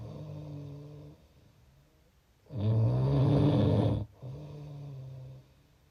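Two long, low, rattling snores in quiet room, one louder and harsher than the other; ordinary snoring.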